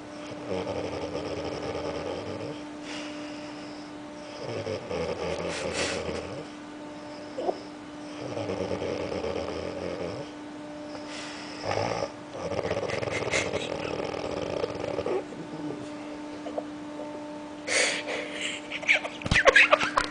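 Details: Sleeping man snoring, recorded with an outdoor whining noise in the background: regular low, rumbling snores about every two to three seconds over a steady hum.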